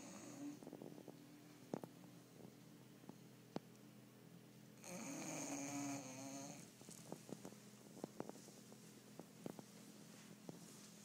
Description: My bulldog bitch berta, doing what she does best - sleeping!